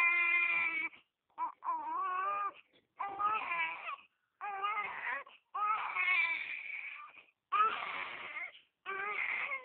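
Loud, high-pitched infant crying in repeated bursts separated by brief pauses for breath.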